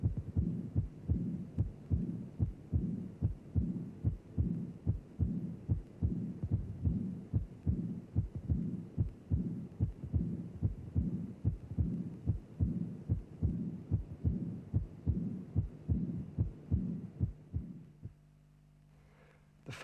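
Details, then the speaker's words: Regular heart sounds near 73 a minute: a soft, high-pitched murmur beginning immediately with, and inseparable from, the second sound; early diastolic murmur of aortic regurgitation. "Immediately after the second sound, you can hear a high-pitched soft murmur. It begins with the second sound. You cannot separate them. Therefore, it is an immediate or early diastolic murmur."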